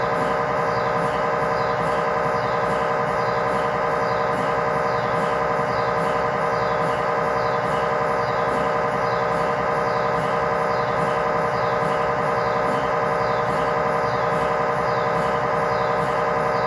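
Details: Steady, loud, rhythmic ringing and knocking, about 90 pulses a minute, from an MRI scanner during a test tibia/fibula (lower leg) scan with a GE high-definition lower-extremity coil (stated as 8- or 16-channel), in a controlled environment.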